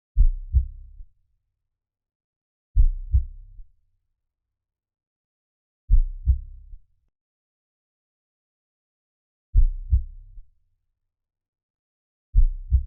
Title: Heartbeat sounds for calming down｜안정감을 주는 심장 박동 소리**